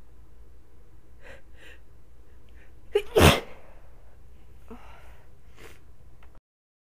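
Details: A person with a sniffly nose sneezing after a build-up: a quick catch of breath, then one loud, explosive sneeze, with faint sniffing before and after; sneezing.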